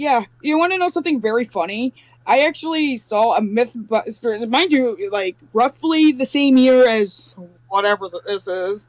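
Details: Adult speaker; normal speech.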